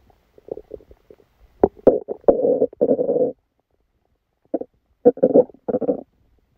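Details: Stomachache after Christmas dinner, recorded while the person slept: irregular gurgling and rumbling bursts with quiet gaps; active bowel sounds.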